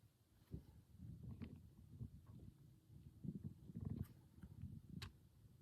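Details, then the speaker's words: Low gurgling and rumbling through a stethoscope on the abdomen of a patient lying down during a physical exam, with more than five active bowel sounds in each quadrant: normal active bowel sounds. "All right, So what I was listening for, there was just bowel movements, and you had more than five active bowel movements in each quadrant, so that's good."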